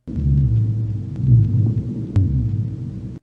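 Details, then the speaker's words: Low-pitched, rumbling, snoring-like breath sounds heard in both inspiration and expiration, from obstruction at the trachea and main bronchi; rhonchi. "Si la obstrucción se da a nivel de la tráquea y bronquios fuentes, se ausculta roncus, que se escuchan tanto en inspiración como expiración."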